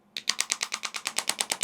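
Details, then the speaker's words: Radial shockwave therapy device firing, used for body fat and contouring on arms, hips, thighs: fast, loud, regular clicking pulses about nine a second; loud but painless. "The sound would be a bit crazy, but no pain at all. So, today I just explained about the extracorporeal shock wave for focused shock wave and radial shock wave."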